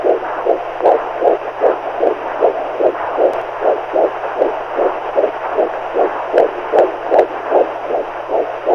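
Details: Steady, even heartbeat pulses around 75–80 beats a minute with a low constant hum behind, a heartbeat sleep sound for calming babies.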